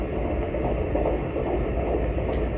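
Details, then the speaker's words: Handheld fetal Doppler on a pregnant woman's abdomen, moved slowly and angled until the click is found: steady whoosh with fast, regular pulsing clicks of fetal heart tones, about 140 a minute. "And I heard that click. Y ahí oí el clic. Do you hear that click? ¿Oyen la diferencia de ese clic?"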